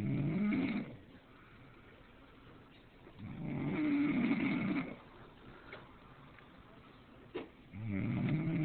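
Low rumbling snores on each breath in, about 15 breaths a minute, with quiet pauses between: ordinary snoring.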